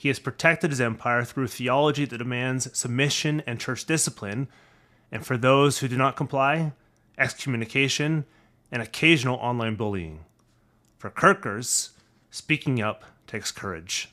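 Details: Adult male speaker; normal voice.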